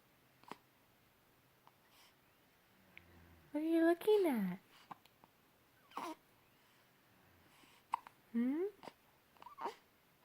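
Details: Infant hiccups.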